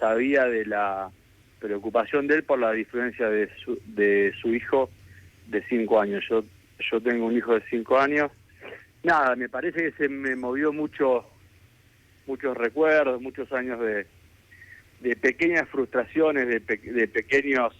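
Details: Adult man with stuttering since childhood, which he says has a genetic load and may have been triggered by trauma, still getting stuck at times, speaking Spanish in a real radio interview with word repetitions; stuttering.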